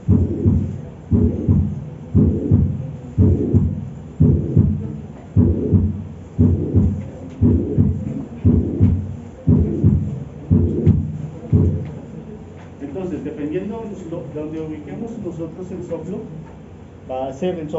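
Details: Regular heartbeats at about 58 a minute, each followed by a rumbling whoosh, with faint music behind, in a veterinary cardiovascular semiology lesson; heart murmur.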